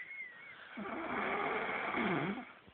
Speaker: snores as loud as his father does